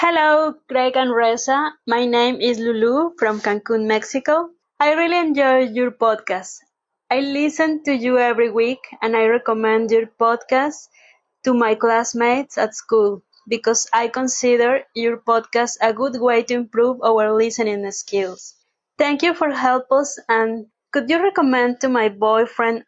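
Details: Adult woman, voice message; normal voice.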